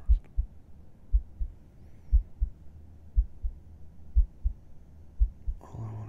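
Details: Resting heartbeat heard with the listener's head on the chest at bedtime: steady, calm lub-dub beats at about 60 a minute with quiet room noise and a rustle at the end; a normal heartbeat.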